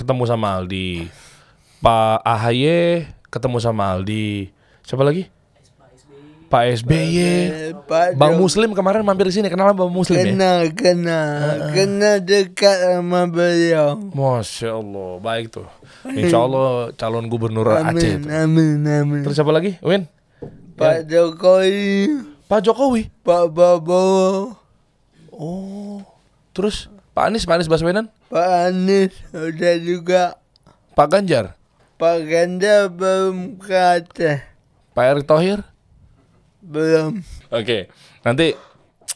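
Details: Adult man born in 1987 with severe cerebral palsy from birth, attributed to a birth injury during a breech delivery (described as malpractice); he could not walk until age 9 and speaks, but not clearly; dysarthria (cerebral palsy).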